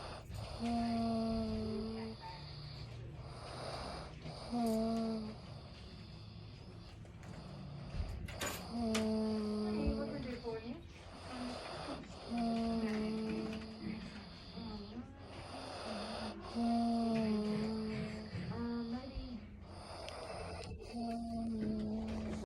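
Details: Loud, rhythmic snoring in hard sleep, with a whistling, tonal quality on each breath, about 14 breaths a minute.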